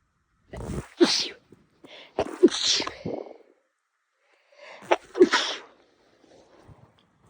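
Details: A person with an itchy nose bothering them for several days records three explosive sneezes in quick succession, each preceded by a sharp intake; part of a prolonged sneezing fit.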